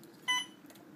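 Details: A single short electronic beep from a keypress while programming a PCA (patient-controlled analgesia) infusion pump, as the syringe is loaded and locked in during a nursing demonstration; normal device sound.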